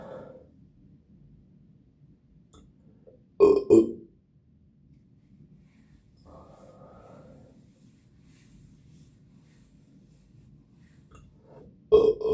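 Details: After finishing a Starry soda, several loud, deep, croaky burps, a pair close together and another later, with quiet room noise between; belching.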